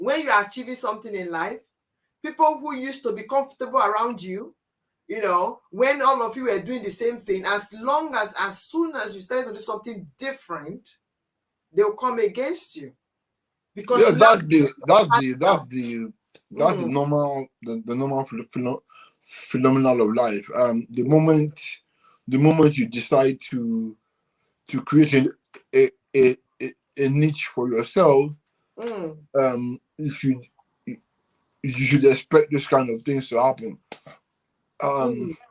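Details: Adult man with cerebral palsy since birth, which he attributes to high bilirubin at birth and says affects movement and speech: dysarthria (cerebral palsy).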